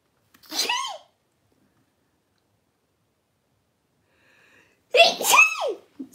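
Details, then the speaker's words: An adult woman sneezes during a live sewing session after saying she feels a sneeze coming: two high-pitched, squeaky sneezes about four seconds apart, each a short sharp burst with a falling tone; she says it sounds like a mouse. "stupid sneeze around sometimes it sounds like a mouse when I sneeze"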